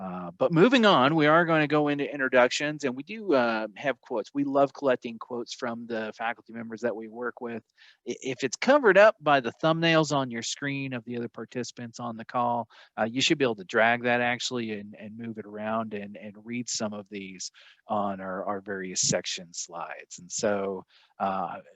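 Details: Adult male speaker; Normal speech.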